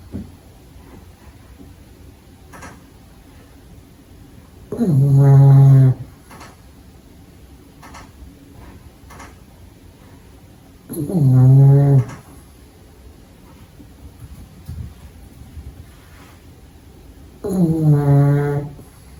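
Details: A sleeping pug puppy gives three loud, low, buzzing snores about every six seconds, roughly 10 a minute, in a quiet room; ordinary snoring in a flat-faced dog.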